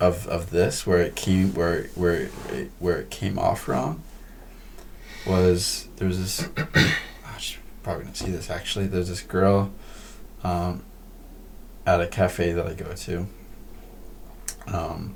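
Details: Man who says he stutters: stuttering.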